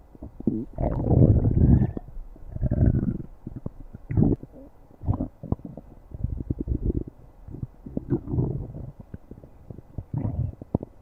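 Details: Stomach growling (borborygmi): irregular low gurgling rumbles and bubbling pops in bursts with quiet gaps.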